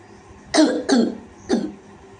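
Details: Child with an acute barking cough since getting soaked coming home from school, coughing on request: three short, harsh barking cough bursts.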